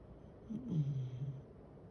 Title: 【VLOG#56】ミニシュナのイビキ🐾〜Schnauzer snoring